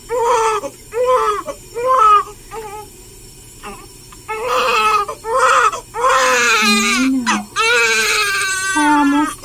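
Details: Repeated rhythmic wailing cries with brief gasps and faint adult voices from a 13-hour-old newborn girl during her first hospital sponge bath by a nurse, before hair washing; vigorous newborn cry.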